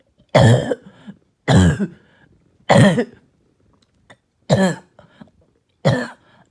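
Five hoarse, harsh coughs about a second apart, each with a deep, barking quality, typical of a barking cough.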